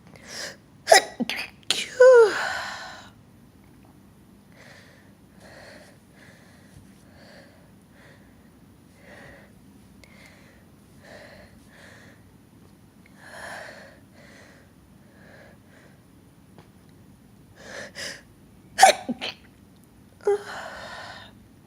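An adult sneezes in two clusters of sharp bursts, some partly stifled, with quiet breaths between.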